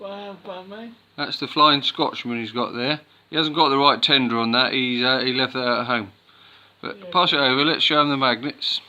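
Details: Adult man; normal speech.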